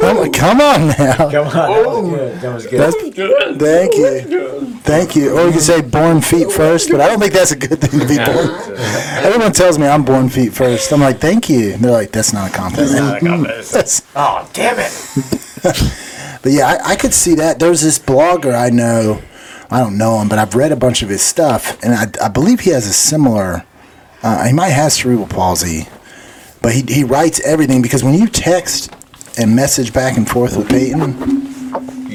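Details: Adult male speaker; typical speech.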